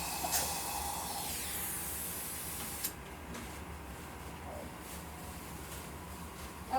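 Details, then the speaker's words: Loud steady hiss of dental high-volume suction easing to a softer airy rush, with faint clicks, collecting debris while a slow-speed handpiece polishes an MO amalgam filling on tooth #15, which also has class V decay. "And I will use the HP to collect up anything that flies off."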